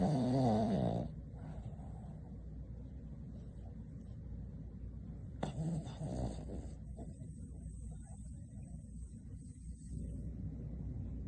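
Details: Boston Terrier napping: brief snorting snores from a small dog over a steady low room hum; snoring.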